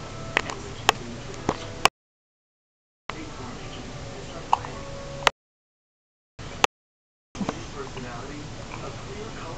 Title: hiccups 001